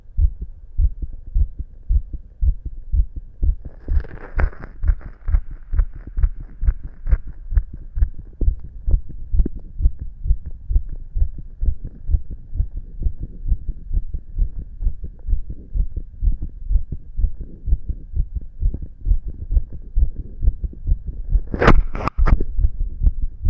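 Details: A boy's recording of his own rapid heartbeat, felt and visibly pounding in his chest: fast, steady thumps at roughly 130 beats per minute.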